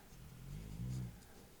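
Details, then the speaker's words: Pet dog snoring in the room while asleep: a quiet, low rumbling snore swelling once over about a second. "Hopefully, you can hear my dog snoring over there."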